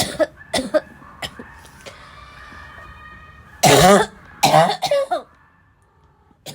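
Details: Barking cough.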